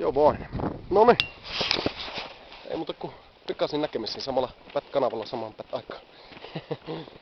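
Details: Adult man who stammers, speaking Finnish; stuttering.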